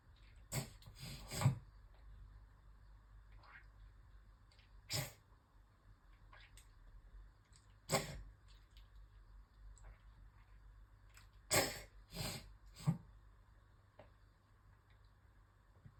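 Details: Scattered harsh, forceful coughs and throat-clearing bursts with quiet gaps in a small room, from a woman who started coughing while brushing her teeth and then felt nauseous; coughing fit.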